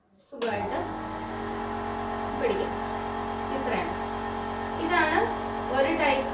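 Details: Healthshine home nebulizer during an unboxing and how-to-use demonstration: steady loud buzzing hum of the air compressor starting up and running, with faint voices underneath.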